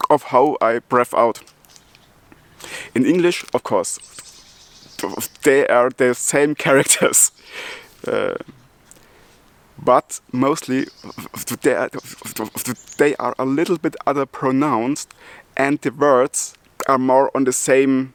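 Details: Adult German man who stutters and also has multiple sclerosis, speaking English, his non-native language, in which he says he stutters less than in German; stuttering.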